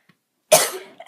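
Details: A single harsh, forceful cough burst from a girl, described as coughing up a furball, fading over about half a second in a quiet room.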